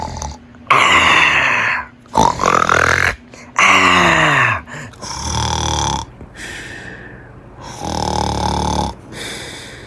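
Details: Compilation of loud snoring clips: loud, rough, rattling snores with snorting, wheezy tones, several noisy breaths over ten seconds; snoring.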